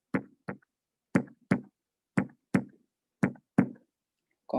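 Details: Normal heart sounds, rhythmic with no abnormal pattern, played as an example of normal beats in contrast to a third heart sound (gallop rhythm) as a heart-failure sign.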